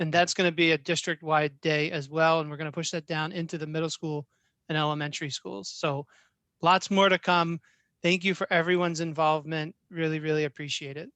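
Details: Adult man speaking; ordinary speech.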